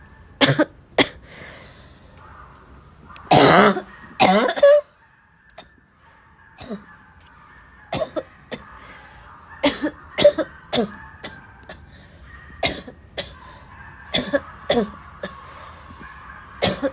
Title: really bad barking cough fit